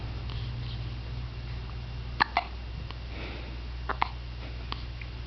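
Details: Hiccups recorded 12/15/06: several sharp, gulping catches at irregular intervals over a steady room hum.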